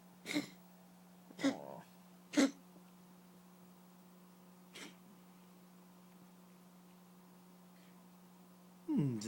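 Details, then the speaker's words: Pet cat retching up a nasty hairball: several short, harsh hacking bursts with pauses between. "Not feeling well? Cheeto. It's a nasty hairball. You feel better now?"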